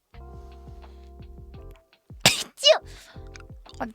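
Two sharp, explosive sneezes in quick succession, the second ending in a falling voiced note, over soft background music: a double sneeze.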